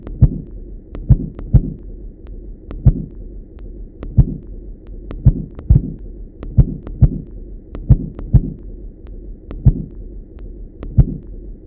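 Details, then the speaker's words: Soft thumping taps at uneven intervals, about 45 per minute, over low hum: Korotkoff sounds still irregular as cuff pressure is gradually reduced, demonstrating pulsus paradoxus. "you will hear more and more corrupt cough sounds but still the korotkov sounds you here are at an irregular interval not they are not regular"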